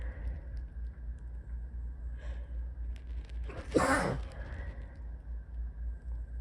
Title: 3/23/23 - super sleepy sneezes